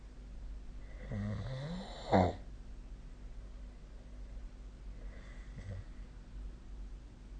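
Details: Snoring during sleep: a low rattling snore on an in-breath ending in a snort, then a softer one, over steady room hum.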